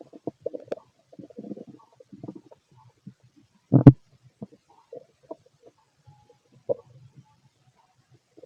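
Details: Fit adult male's stomach growling while digesting: soft low gurgles and rumbles come and go, with one louder growl; ordinary bowel sounds.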